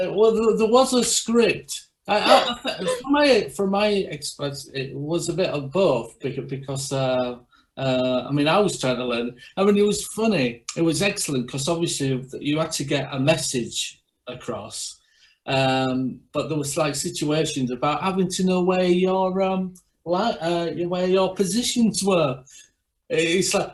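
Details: Aphasia in a man who is a stroke survivor; finding: aphasia.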